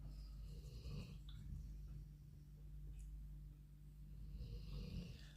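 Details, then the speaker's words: Dog sleeping and snoring, heard during an indoor recording while the owner talks. "Ah, il ronfle, Marty. Voilà, on l'entend ronfler. Oh, le sacré celui-là. Oh, il passe son temps à dormir."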